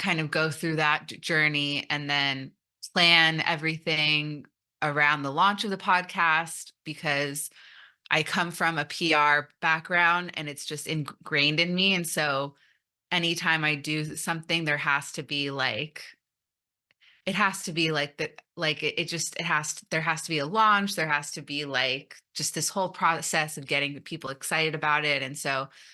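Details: Stuttering in an adult woman who came out as a person who stutters almost three years ago after 29 years of denial, presenting at a stuttering conference.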